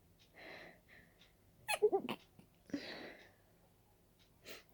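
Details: Dust-allergy sneezes while cleaning: soft breathing, then a quick explosive sneeze burst and a softer follow-up; sneezing.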